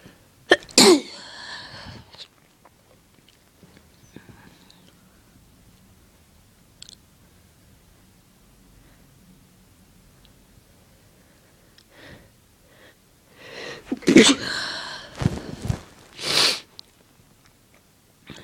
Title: Itchy Tickly Sneezes